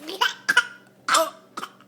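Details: Young child who was sick the prior week, deliberately faking a cough for attention: four short, light voluntary coughs.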